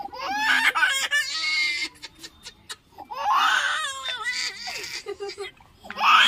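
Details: Loud, wailing cry in long sobs with catching breaths, room noise behind; a small girl crying at a hospital around an intramuscular injection.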